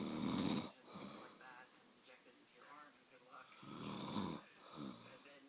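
Loud rattling snores on two inhalations with quieter breathing between; ordinary snoring.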